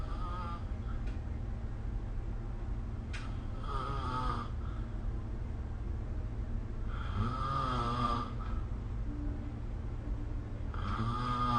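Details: Snoring during sleep recorded with the SnoreLab smartphone app: three loud, rumbling snores at regular intervals of about four seconds over a steady low hum.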